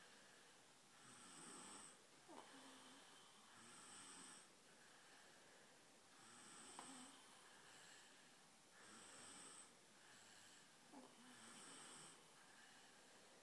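Soft, hissy snoring sounds with each breath, about 23 a minute, with a faint click between some breaths.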